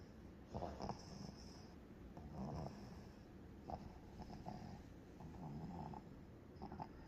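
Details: A 90-day-old sleeping baby snoring, said to be inherited from the father: soft, snuffly snoring and snorting breaths over faint room hiss; harmless infant snoring.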